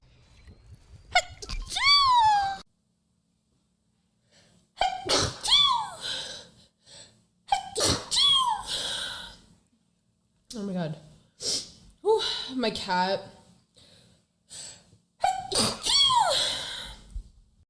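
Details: A run of loud, sudden sneezes, each with a sharp in-breath and explosive burst, short pauses between, with "bless you" said nearby; sneezing.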